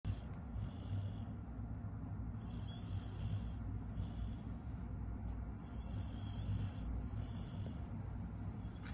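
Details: Sleeping beagle snoring: low, steady rumbling breath noise with soft repeating nasal snorts.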